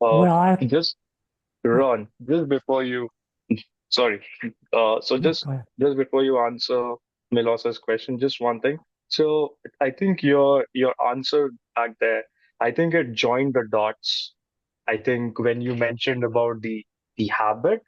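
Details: Adult man, a podcast co-host who describes himself as someone who stutters; word and phrase repetitions heard; stuttering.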